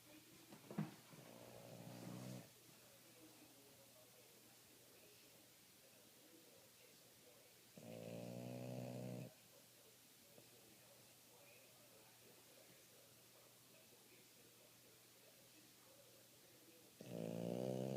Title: Snoring Pup